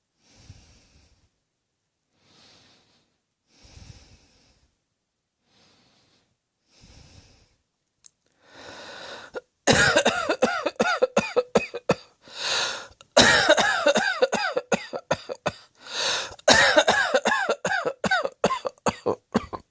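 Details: Repeated harsh coughing fits with strained, voiced bursts and gasping in-breaths between them, after quiet breathing.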